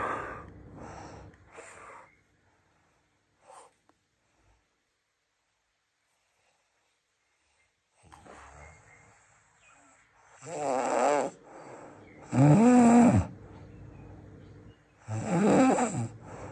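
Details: Described as the world's loudest snoring: loud, rough, rattling inspiratory snores, uneven in timing, with quiet pauses between. Heavy snoring during sleep.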